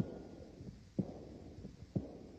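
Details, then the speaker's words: Aortic regurgitation murmur, a diastolic murmur played as a board-review quiz clip: heartbeat about 62/min with a soft blowing murmur after the second sound. "right so i i saw some hands for diet's dog murmur so yeah this is this is a diastolic murmur so um let's actually talk about this murmur is going on here so this is really the murmur of aortic regurgitation"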